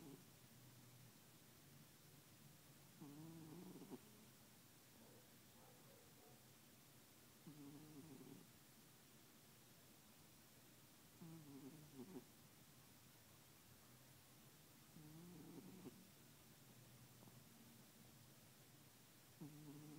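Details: Calico cat sleeping beside another cat, snoring: soft, regular snore breaths about every four seconds, roughly 15 a minute, over a steady low hum; snoring.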